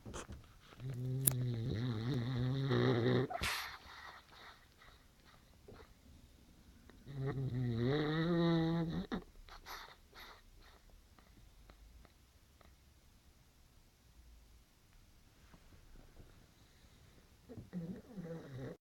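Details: Sleeping dog snoring and barking in his sleep: slow, deep rumbling snores, about 11 a minute and uneven, with soft muffled sounds between them, possibly sleep-barking.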